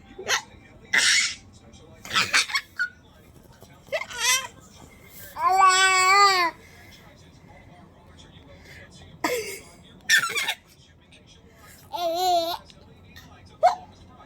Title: Baby laughing# hiccups 😆